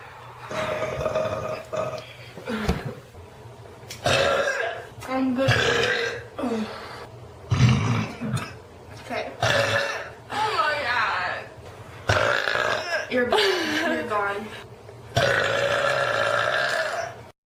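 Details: Repeated burping: a run of long, loud, voiced belches with short pauses between them.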